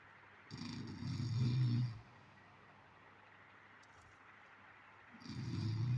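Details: Two loud, low, rattling snores about four seconds apart, with quiet room noise between them; ordinary adult snoring during sleep.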